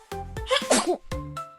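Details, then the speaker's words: An animated cartoon sneeze ("Achoo") in a children's song about sneezing: a voiced, cartoon-style sneeze burst between sustained musical tones, with music in the background. "Yeah, and when it sneezes Achoo, it kicks out the dust and germs."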